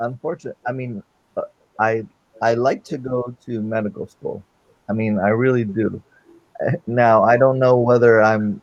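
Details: Male with non-fluent aphasia since a stroke during heart valve surgery in 2007, initially able to produce only two single words; non-fluent aphasia.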